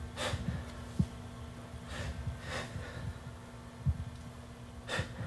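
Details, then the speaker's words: Adult male soldier, possibly exposed to biological agents, sitting forward for chest auscultation during slow deep breaths; breath sounds clear without crackles (no rales), though chest x-ray shows widened mediastinum; simulated training scenario. "I agree with you, Mark. He certainly sounds clear on auscultation. At least I don't hear any rawls."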